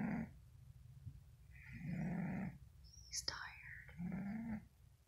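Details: Sleeping cat snoring: soft rhythmic snores over about three breaths, with a faint click between.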